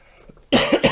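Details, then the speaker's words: Adult with a minor cold for about five days and a hoarse voice gives a sudden short fit of two or three harsh, voiced coughs in a small room; cough. "Um just trying to it's just no big deal. Just a minor cold, but been trying to kick it now for about five days."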